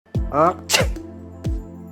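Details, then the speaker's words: Sneeze: a rising voiced intake followed by a sharp, noisy burst, set between dull thuds and musical tones. "शिंक कधी येते नाकात टर्बिनेट्स म्हणजेच शंखासारखे एक हाड असते आणि ते खूप संवेदनशील असते अशा वेळी नाकात काही घुसल्यास आपली चिडचिड होते आणि आपल्याला एक शिंक येते"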